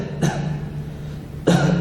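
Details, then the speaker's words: Chest auscultation with a stethoscope while the patient coughs, to judge dry versus wet cough: two short, muffled, low-pitched coughs with a steady low hum between. "Por último, la auscultación termina con la auscultación de la tos, auscultando el tórax mientras el paciente tose."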